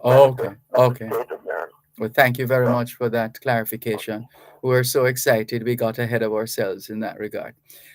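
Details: Adult male speaker; normal speech.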